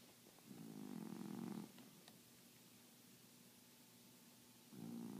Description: Pan-snor-a. You can hear her in the next room, sometimes.